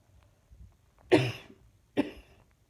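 Two short, dry coughs in a quiet room.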